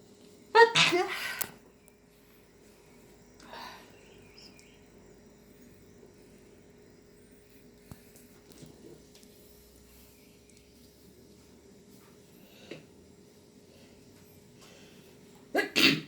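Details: Prolonged sneezing attack, person says they can't stop sneezing: two sharp, explosive sneezes, one at the start and one at the end, with quiet room noise between.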